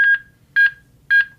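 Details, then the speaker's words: HeartSine Samaritan 450P AED demonstration on a training setup: steady double-chime metronome beeps about twice a second pacing chest compressions, with CPR feedback prompts (begin CPR, good speed, push slower). "and we get in time with that metronome, we're going to see the green light."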